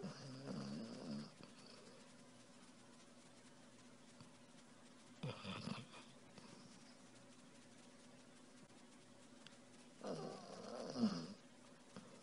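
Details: Sleeping puppy snoring: soft, snuffling snores about every five seconds over quiet room noise.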